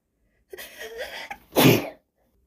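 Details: A woman's quick induced sneeze, recorded on a phone: a breathy intake and short build-up, then one sharp, explosive burst.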